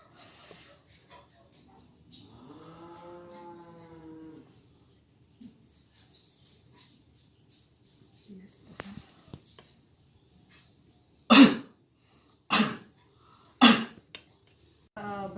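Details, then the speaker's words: Adult male in a family-nursing home visit, mask removed, independently performing effective cough training: three strong, forceful coughs about a second apart after a prolonged breath out; voluntary effective cough to clear mucus. "Bapak, sekian latihan terkait dengan batuk efektif tadi."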